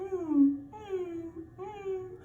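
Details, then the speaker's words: Adult imitation of expiratory grunting in a newborn, shown during a newborn assessment on a baby doll: three short voiced sounds resembling chatty baby noises, a sign of respiratory distress. "or that would be what we'd call grunting, and that is not normal. That would be a sign of respiratory distress."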